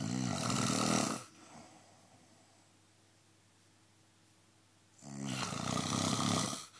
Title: Me snoring :-)